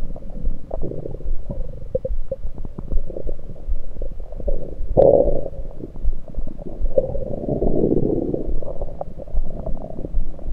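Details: Abdominal gurgles recorded with a USB electronic stethoscope over the stomach, not during digestion but with liquids and air present: irregular low gurgling and rumbling with one louder gurgle midway, ordinary bowel sounds.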